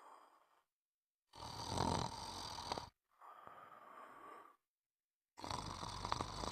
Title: Sound of snoring